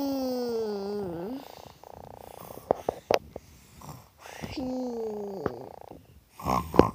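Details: Pet told to go to sleep but playing instead: loud buzzing, fluttering snores with a falling whistle-like tone, each followed by soft clicking breaths.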